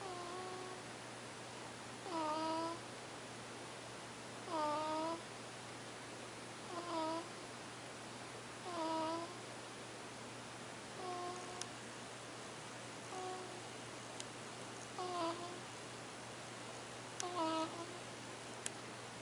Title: Little bitty tiny baby Bud Bud snoring